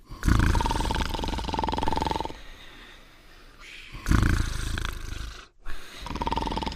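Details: Simulated cartoon snoring of a cartoon dog and Potsworth sleeping together: long, loud, rattling breaths in and out with pauses between.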